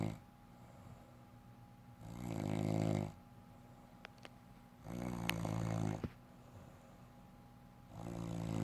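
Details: Wife snoring during sleep: rough, buzzing snores on each in-breath, about three in nine seconds, quiet room.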